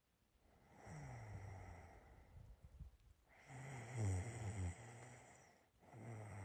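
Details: Low, rough, rattling snores repeating with sleeping breaths, separated by quieter pauses; self-recorded ordinary snoring.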